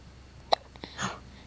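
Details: Recurrent hiccups: a sharp hiccup burst followed by a softer catch and a brief breath or voice sound in a quiet room; hiccups.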